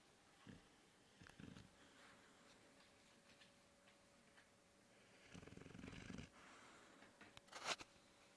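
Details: Six-month-old Bullboxer dog snoring in low, rumbling bursts in a quiet room, with one long drawn-out snore among shorter ones, while people try to wake him.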